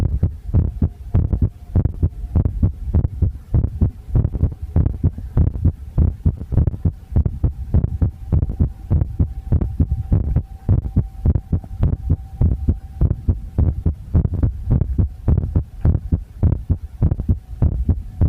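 Rapid, fairly regular low thumps with a steady hum and some noise; a heartbeat at roughly 100 beats a minute.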